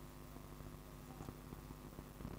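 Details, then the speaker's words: Phacoemulsification handpiece emulsifying freed nuclear fragments during combined pterygium surgery and phaco for an intermediate cataract: low steady buzzing hum with soft irregular pulses. "this case i am emulsifying the pieces as i am making it free from the main mass so most of the nucleus has been removed"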